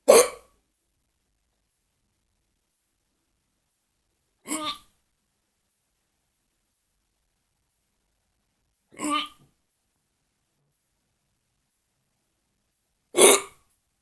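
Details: Hiccups: four short, sharp voiced catches about every four seconds, with silence between them.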